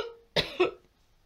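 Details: Two quick, harsh coughs in close succession from an adult with tracheitis for several days, with sore throat, the second cough with a brief voiced tail; cough from tracheitis.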